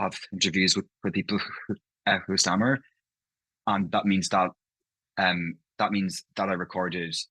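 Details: Adult man from Ireland, living in London, who stammers, with part-word and whole-word repetitions heard in his speech; stammering (stuttering).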